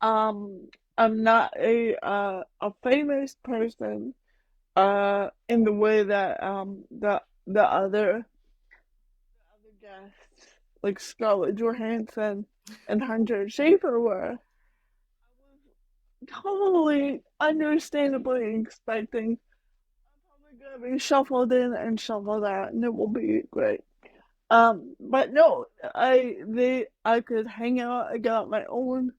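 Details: Adult woman with mild cerebral palsy, which she says mainly affects her speech and motor skills, speaking in a real podcast interview; mild dysarthria (cerebral palsy).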